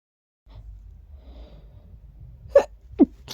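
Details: Person who woke up feeling very sneezy: quiet breathing, then two abrupt sneeze bursts in quick succession; sneezing.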